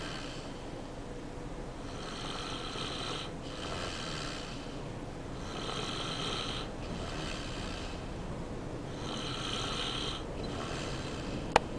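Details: Nephew asleep: steady rhythmic snoring at roughly 18 breaths a minute, with a soft rattle on each breath over low room noise.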